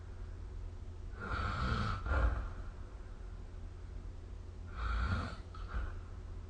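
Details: Snoring during sleep recorded with the SnoreLab phone app: two rough, snorting breath sounds about three and a half seconds apart over steady low room hum.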